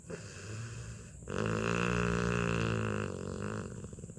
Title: LABRADOR puppy SNORES LOUDLY as he cuddles and sleeps on mom's lap.